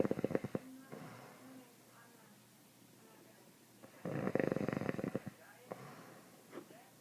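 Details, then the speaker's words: Adult man (dad) snoring, reportedly not at his loudest: rattling, fluttering snores in two bursts about four seconds apart, with quiet breathing between. "this is not as loud as it gets."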